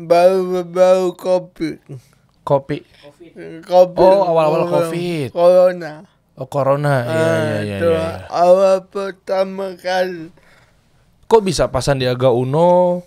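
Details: Adult man born in 1987 with severe cerebral palsy from birth, attributed to a birth injury during a breech delivery; unable to walk until about age 9; able to speak but not clearly; dysarthria (cerebral palsy).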